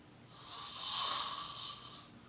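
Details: Snoring from a sleeping adult man, recorded by a roommate after about 20 minutes of snoring: a single rasping, hissy breath swells and fades over about two seconds, with a faint rattle.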